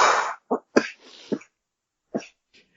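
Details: A man recovering from a lingering recent illness gives a run of about six harsh coughs in quick succession; coughing fit.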